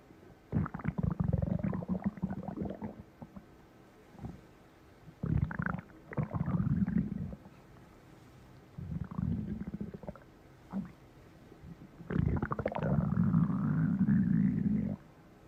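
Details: Stomach heard up close: several bursts of low rumbling, gurgling growls separated by quiet stretches; ordinary stomach growling (borborygmi).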